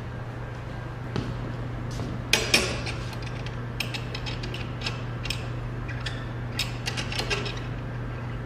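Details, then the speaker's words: Bookwalter table-mounted abdominal retractor tray demonstration, ratchets attaching retractors to the ring over the abdomen; scattered sharp metallic clicks and ratcheting over a steady low hum. "these are the ratchets that are in your Bookwalter set these ratchets are used to hook up a retractor to the ring of the retractor system itself"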